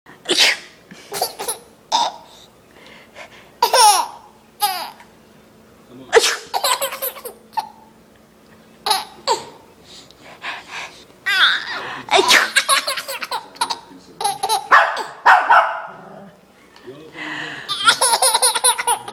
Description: My 9 months nephew laughing at my fake sneezes.